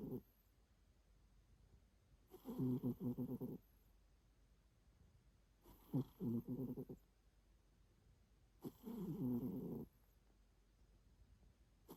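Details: Cat, snoring or grunting uncertain: three rough, fluttering breath noises at regular intervals, about five a minute, in a quiet room; snoring.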